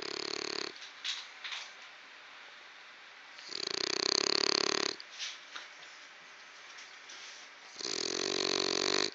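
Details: Three long, raspy, hissing breath noises a few seconds apart with softer sounds between; snoring.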